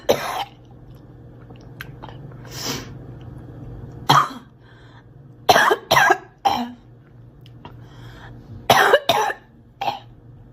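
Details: Girl, acted coughing: about seven short, dry cough bursts in loose clusters with quiet gaps between, some with a throat-clearing quality.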